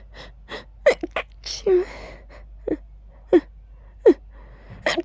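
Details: Deliberately voiced sneezes, ending each with an added "choo": a quick run of loud, explosive "choo" sneezes with short gasping inhalations between them; repeated sneezing.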